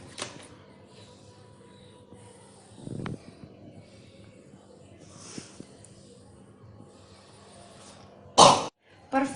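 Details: Demonstration of the effective cough technique: slow deep breaths held in the chest, then two strong, forceful coughs while the chest is pressed with a pillow, to clear sputum.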